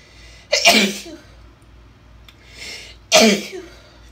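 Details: Two forceful, deliberately induced sneezes from a woman with a cold, each a sharp explosive burst with a trailing breathy tail.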